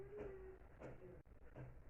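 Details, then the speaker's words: Stethoscope auscultation over the trachea while the patient breathes in and out through the mouth: harsh, hollow airflow bursts; normal tracheal breath sounds. "Primero vamos a empezar con auscultar el ruido de la tráquea. Le voy a pedir al paciente que respire por la boca y saque aire."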